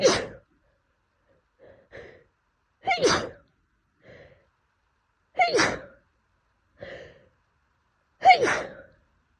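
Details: Person in the southern US with pollen allergy, sneezing daily for a month despite medication: a rapid run of four forceful sneezes, each preceded by a short catching inhale; allergic sneezing fit.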